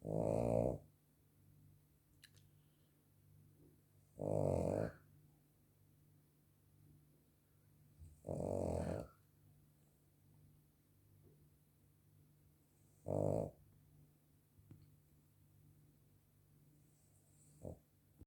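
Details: Sleeping female dog snoring, not at her loudest: deep, loud snores about every four seconds, roughly 15 a minute, with quiet pauses between; ordinary snoring.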